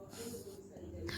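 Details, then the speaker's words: Child imitating father's snoring on request after a game of animal sounds: a brief voiced, rasping snort lasting about a second; imitated snoring. "Ya dan ngoroknya ayah gimana dek? Coba lagi ngorok ayah."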